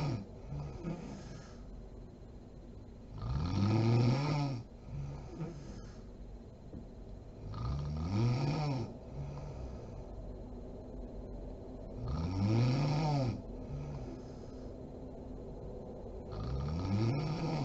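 Loud, low snores repeating about 14 times a minute, each followed by a softer breath out; typical snoring in sleep.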